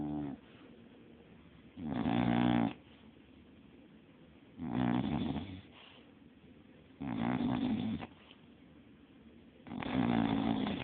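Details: Snoring during sound sleep: regular rough snores about every 2.5 seconds, roughly 23 breaths a minute, with quiet gaps between.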